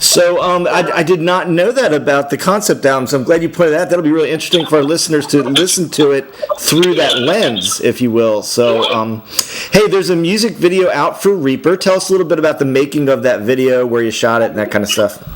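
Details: Adult male speaker; normal voice.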